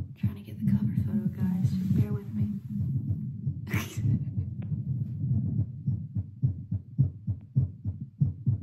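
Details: Own heartbeat via Littmann CORE stethoscope played to speaker, seated baseline while holding arm up, about 96 then 88 bpm: regular low thumps with rubbing and handling noise; normal heart sounds.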